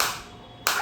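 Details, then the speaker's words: Focused shockwave therapy device, self-demonstrated off any joint at intensity 8 before being raised toward 9–10: a single sharp crack, then a fading hiss and a second crack as the applicator fires. "तो इस तरीके से आप देख सकते हैं। ये shock आ रहे हैं। अभी एट इंटेंसिटी है।"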